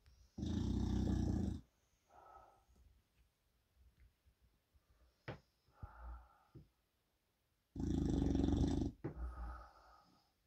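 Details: Two long, loud rasping snores with soft snuffling breaths between, from Reg, an English Bulldog sleeping with his eyes open; flat-faced dog snoring.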